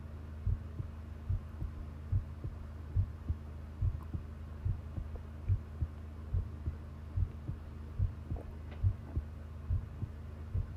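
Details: Long-duration heart sound recording: steady, regular low thumping heartbeats at about 70 per minute over a steady hum; normal heart sounds.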